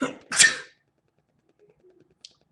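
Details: Adult man sneezing repeatedly in a long series and counting his sneezes. This clip holds a single sharp sneeze followed by near silence.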